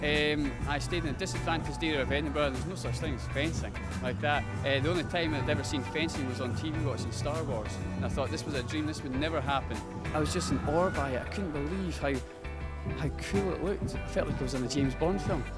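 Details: Young male fencer born deaf, hearing loss identified at age five, raised with a speech impediment; also dyslexic, born breech, walked at three; speech impairment associated with congenital hearing loss.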